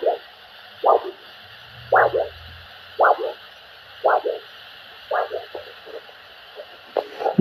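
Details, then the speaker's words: Handheld Doppler over the dorsalis pedis artery, probe angled about 45 degrees and pointing upwards, in a foot vascular assessment OSCE: regular whooshing pulse about 56 a minute, a normal multiphasic signal. "here we can hear a normal multi-physic sound that's being produced"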